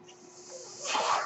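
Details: The speaker's own mechanical ventilator, noted during a recorded podcast: a soft airy hiss swelling into a louder rush of air near the end as a breath is delivered.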